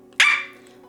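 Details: 27-year-old woman diagnosed with Tourette syndrome at age 12; a short bark-like sound interrupts her speech; finding: vocal tic (Tourette syndrome).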